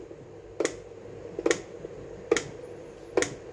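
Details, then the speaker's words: Fetal Doppler simulator prototype set to 70 bpm during testing: sharp, evenly spaced clicks at about 70 a minute with a faint room hum; simulated fetal heartbeat at 70 beats per minute. "Nah, ini kita tunggu dulu 70 bpm itu. Nah, ini 70 mantap ya."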